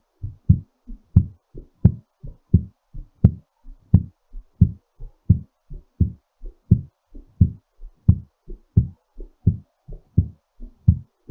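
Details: Strong, regular heartbeat at about 87 beats a minute, slightly fast as the heart settles after exercise; a normal recovery rhythm.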